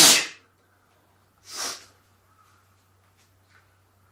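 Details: Sneezing: a sharp, explosive burst, then a second softer hissing burst about a second and a half later, over quiet room hum.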